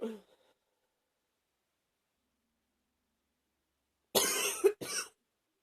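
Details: Person with a cold, sniffling a lot: a brief sniff, then after a pause two quick throaty coughs; cough.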